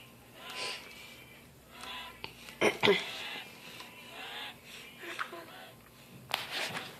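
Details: Sick baby boy drinking water eagerly: noisy breaths with a faint whistling edge between sips, fitting wheezing.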